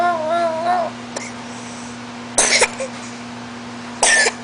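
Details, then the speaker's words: A 14-month-old toddler girl plays at coughing: a short vocal sound, then two brief, forced cough bursts, a voluntary fake cough. "呦，怎么咳嗽了？你咳咳了？你咳咳了？"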